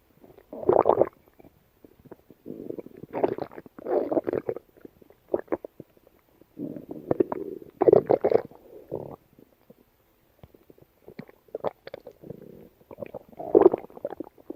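Intermittent gurgling and bubbling rumbles in clusters; normal gut sounds of a dog.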